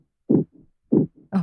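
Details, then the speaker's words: Simulated pulsatile tinnitus synchronous with one's own heartbeat, with a quickened pulse: rhythmic low whooshing thumps in paired beats at roughly 95 per minute; pulsatile tinnitus (simulated, fast pulse). "그다음 박동성이명 나의 심장 동이랑네 이런 소리가"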